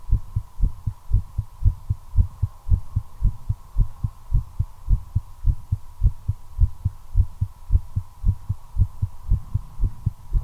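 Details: Regular heartbeat accelerating to about 110 beats per minute while the person smokes a cigarette, tachycardia attributed to nicotine, with a steady hum behind it.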